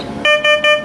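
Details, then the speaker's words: BEXEN Reanibex 500 monitor defibrillator in automatic mode during a test: voice prompts "do not touch patient, analyzing heart rate, shock advised" with three loud, steady electronic alert tones in quick succession as it analyzes the rhythm and advises a shock. "so from here the device will automatically analyze any heart rhythm and advice if the shock is needed do not touch patient analyzing heart rate shock"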